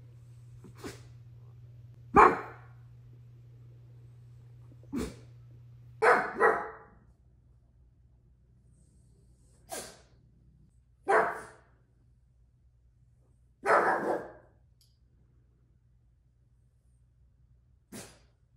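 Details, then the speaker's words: Small pug repeatedly sneezing while trying to bark: a run of sharp, explosive sneezes mixed with short barks, about eight bursts in 18 seconds. "Thornton, I will give you a treat if you can bark without sneezing one time."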